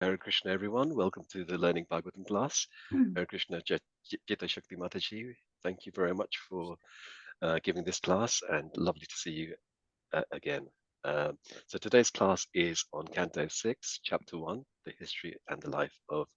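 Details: Adult man speaking; typical voice.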